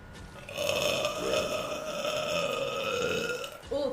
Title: streamer burps